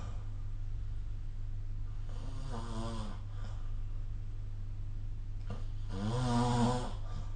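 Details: Two low, rumbling, vibrating snores over steady low room hum, each drawn in on the breath, recorded during sleep with the SnoreLab phone app.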